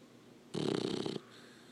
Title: Snoring lab puppy